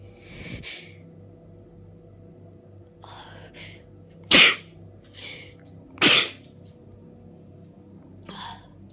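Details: A person with a cold, bundled up in bed at Christmas: a rapid run of sharp sneezes, two of them loud and explosive, among softer sneezes and breaths; a sneezing fit.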